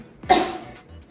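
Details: Cough demonstrated by health-centre infection-prevention staff showing cough etiquette: mask, inner elbow, or tissue covering the nose and mouth.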